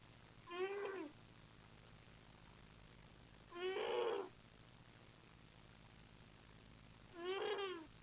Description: Giving an all new meaning to a cat nap, this snoring cat makes funny noises in its sleep.